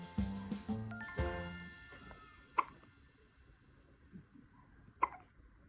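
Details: Infant hiccups in a baby girl, one of triplets, that don't seem to bother her: two sharp, brief hiccups a few seconds apart after an adult's soft talking and background music.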